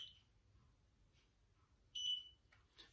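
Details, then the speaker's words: Single short, high beep in a quiet room as an infrared forehead thermometer in body mode finishes a reading on an adult's forehead, showing 36.2 °C. "he beeps and it tells me 36.2"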